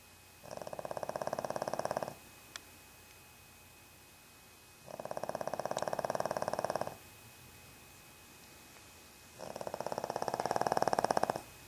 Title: doggie snoring on brown couch